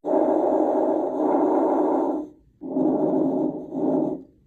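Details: Normal breath sounds played as comparison before abnormal lung sounds: soft, even rushing breath sounds through a stethoscope with no crackles or wheeze.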